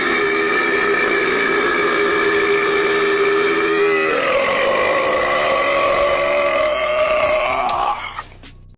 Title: Ranking The Best Burp Moments 🤣 #youtubeshorts #shorts #burping #funny #rankings